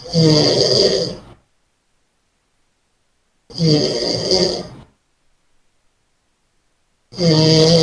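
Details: Person snoring while asleep: loud, harsh snores roughly every three and a half seconds, each lasting over a second, with silence between them.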